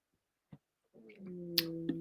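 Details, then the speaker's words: Adult's stomach heard during a conversation: a soft click, then a drawn-out, low, tonal growl with a couple of faint pops, stomach rumbling (borborygmi). "You made what was that noise? Was that your belly? My stomach."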